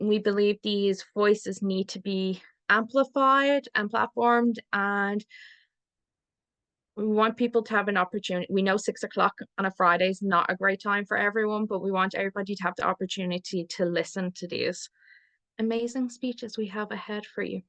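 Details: Adult woman; typical speech.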